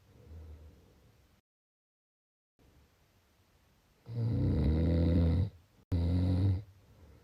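Loud, low rattling snore on an in-breath, then a second shorter one after a brief pause; ordinary snoring.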